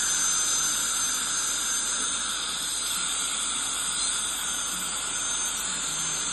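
A steady high hiss of an air-polishing or scaling instrument runs throughout, with no speech.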